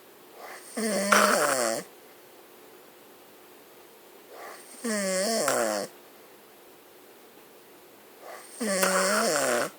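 Loud, drawn-out rattling snores, about three over ten seconds, each with a rising buzzing pitch and quiet pauses between.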